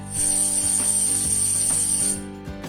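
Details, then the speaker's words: Simulated tinnitus: a steady high whistle over a low buzzing hum, an imitation of buzzing or whistling tinnitus. "And it can also sound like buzzing or whistling, like"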